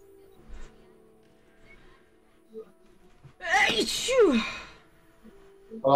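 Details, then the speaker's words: Adult sneezes during a gaming livestream, saying it happens a lot in winter whenever the temperature changes: a single loud, voiced sneeze with a falling vocal cry over faint music. Sneeze. "okay so maybe you will hear me sneeze it's gonna happen a lot during the winter so every time the temperature changes"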